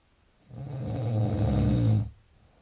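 One low, rumbling snore lasting about one and a half seconds on a single breath. Snoring.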